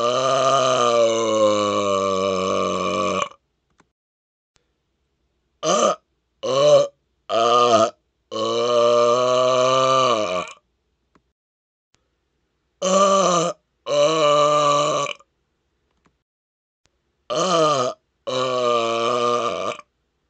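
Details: Deliberate loud burping measured with a decibel meter in a loudest-burp record attempt: a series of loud, long, resonant belches separated by pauses.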